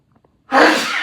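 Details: Two brief catching inhalations then one loud explosive sneeze, amid laughter and throat clearing; a single sneeze.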